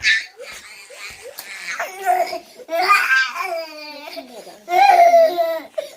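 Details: Loud wailing cries in repeated bursts with catching breaths, from a one-year-old boy who woke crying and would not settle for about 5–10 minutes; parent suspects teething or growing pains; inconsolable infant crying.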